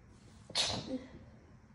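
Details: Induced sneeze from a person still getting over a cold, congested and slightly losing their voice: a short breath intake, then one wet, hissing sneeze; a kitten playing with a Christmas tree is in the background.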